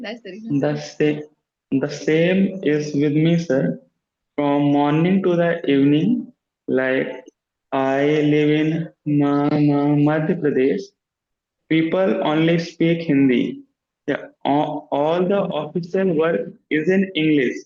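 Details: Man who stammers, in a stammering self-help group, practising voluntary stammering; sound repetitions are audible; stuttering.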